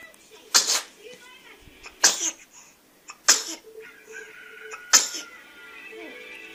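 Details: Baby sneezes in a compilation: four short, sharp, high-pitched sneezes, each with a small breathy tail, with soft voices saying "bless you" and room noise between.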